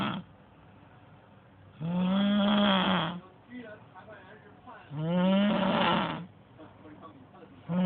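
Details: Heavy snoring from a sleeping person: loud, rough, rattling snores on each breath in, about 20 a minute, with faint television talk in the background.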